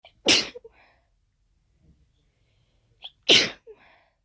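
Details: Unexplained sneezing fit after an hour of nasal irritation, cause unknown (allergy medication taken): two forceful sneezes about three seconds apart, each preceded by a quick breath in.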